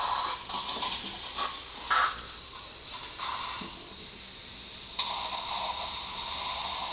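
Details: Dental surgery on tooth 13 with a crown-root fracture: periotome extraction, then flapless, OneGuide-guided immediate implant placement with a dual zone graft. Heard is a steady hiss and gurgling suction with brief bursts of irrigation spray.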